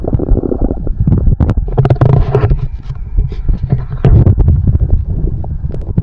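Continuous low gurgling and rumbling with bubbling pops and squeaks, typical bowel sounds of stomach growling (borborygmi).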